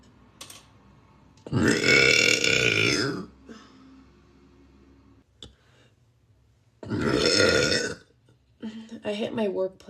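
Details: A girl's deliberate burping: two long, loud, voiced belches, each about a second or more, followed by brief speech.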